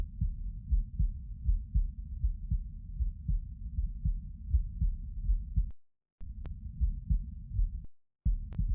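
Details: Normal heart sounds recorded while lying down: regular low lub-dub beats at about 80 a minute, with two brief dropouts.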